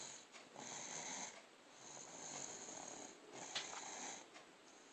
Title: Snores like Lolo & Tatay :-)